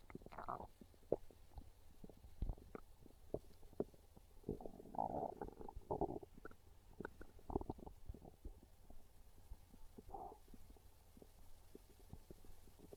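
Quiet gurgling rumbles and bubbling pops come and go over the abdomen: ordinary hunger stomach growling, a normal bowel sound.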